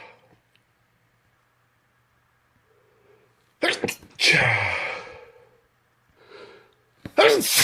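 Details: Three loud, explosive sneezes, each with a sharp intake and a forceful noisy burst, in a quiet room, from a morning bout of 30 or 40 sneezes.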